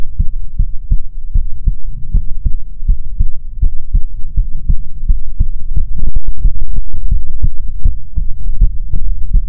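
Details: Soothing ASMR heartbeat recording: steady low heartbeat thumps at about 80 beats a minute with some rubbing noise; a normal heartbeat.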